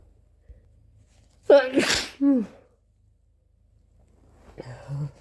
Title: Messy flu sneezes plus snotty blows 🤧🤧